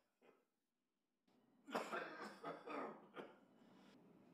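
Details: Adult man with a cough lasting over three weeks, recorded on a smartphone app that flagged it as needing medical care: about four harsh coughs with a faint metallic, whistling, wheezy edge.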